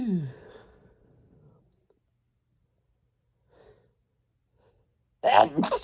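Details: A voiced sigh and quiet breaths, then a loud explosive sneeze: one of a run of strong, desperate sneezes with a few stifled ones.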